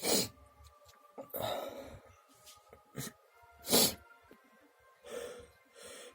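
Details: Person whose nose has itched a lot since swimming: several sharp, loud explosive sneezes with gasping in-breaths between them, over steady background music; repeated sneezing.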